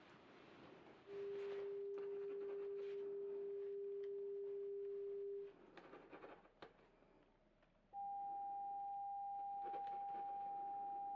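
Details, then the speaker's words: Simulated pure tone audiometry in an ASMR hearing-test role-play through headphones, tones played in different ears; two steady pure tones, a lower then a higher one, over faint room noise. "I'm going to play the tones in different ears and I would like for you to raise your hand on whichever side you hear the tone in okay"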